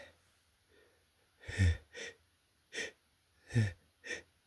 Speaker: Hey, shoot. Oh, those sneezes. Oh, they feel good.